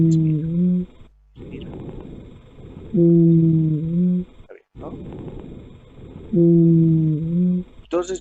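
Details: Auscultation in a lung sounds teaching practice, asthma patient: musical wheezes, predominantly expiratory, heard with rhonchi; expiratory wheeze.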